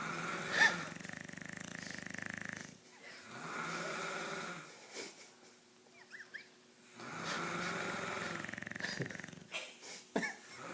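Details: A man and a dog snoring together: long, loud, rattling snores alternating with quieter breathing; ordinary heavy snoring.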